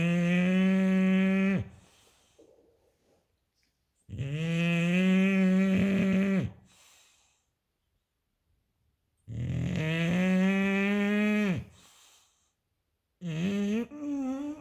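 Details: Loud, drawn-out, buzzing snores from a sleeping English bulldog, about 12 a minute with quiet pauses between; typical heavy snoring.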